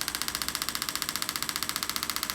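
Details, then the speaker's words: Shockwave therapy on the sole (heel spur, calcaneus, then plantar fascia) of a patient with chronic ankle pain after multiple accidents and ankle fractures: rapid regular sharp tapping pulses, about ten per second; sound shift suggests scar tissue, adhesions or bone spur. "I hear that shift in sound, I know that we're on some type of scar tissue or adhesions or bone spur or something like that."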